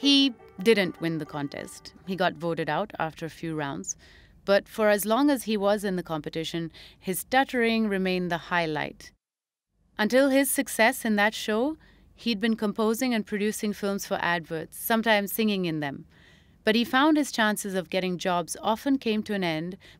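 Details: Adult narrator; typical speech.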